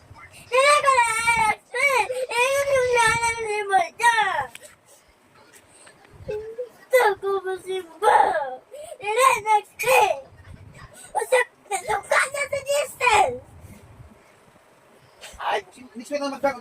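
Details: Young child crying in wavering, sobbing bursts with short pauses and quieter whimpers, upset about missing church that day.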